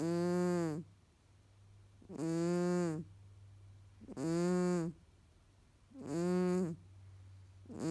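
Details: A sleeping Tonkinese cat, described as nasal, snoring: steady, tonal buzzing snores about every two seconds, roughly 30 a minute.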